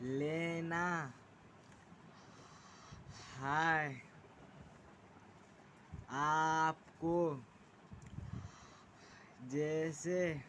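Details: 16-year-old boy with a self-reported stammering problem, speaking very slowly word by word with long pauses between words while describing stammering techniques; stuttering.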